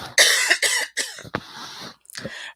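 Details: Adult who is sick, not tested for Covid: several harsh, raspy coughs in a quick run, a brief pause, then one more cough.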